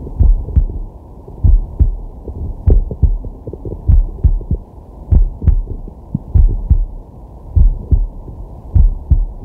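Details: Man's heart sounds from a digital stethoscope on his chest while relaxing: steady, regular low two-part heartbeat, about 50 a minute, with soft breathing in the background; normal heart sounds.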